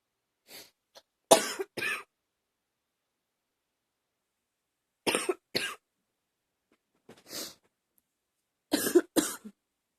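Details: About seven short cough bursts, mostly in pairs, with a slightly loose, rattly quality in a quiet room, recorded while sick last summer; a mild chesty, productive-sounding cough.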